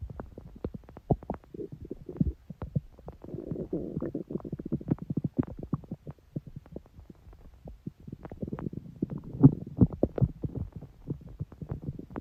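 Irregular gurgles, pops and low rumbles from the belly; ordinary stomach growling from bowel activity.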